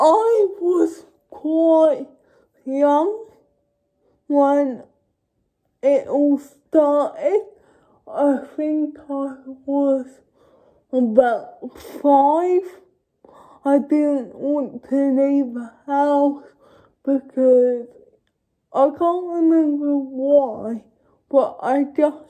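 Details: Adult woman with cerebral palsy speaking to camera: dysarthria (cerebral palsy)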